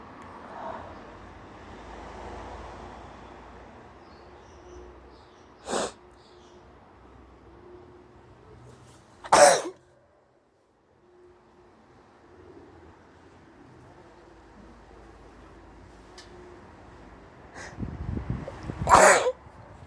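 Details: Hay fever sneezing after sitting outside in very high pollen levels, with a possible cold starting; three sharp sneezes in a quiet room, the last preceded by an audible inhale.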